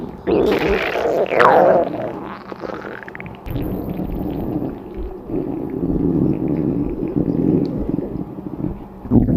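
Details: Woman's hungry stomach: low gurgling rumbles and squeaky rising gurgles from the belly, stomach growling (borborygmi) of an empty stomach.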